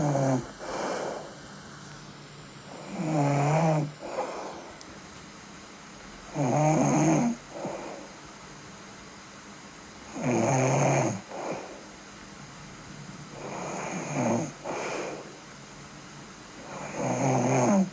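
Regular, loud, vibrating snores on each breath in, about 17 a minute, with softer breathing between.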